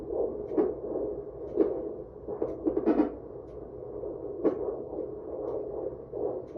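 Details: Fetal Doppler ultrasound at 18 weeks of pregnancy at a birth center: muffled, pulsing whooshing fetal heartbeat with occasional louder scraping from probe movement.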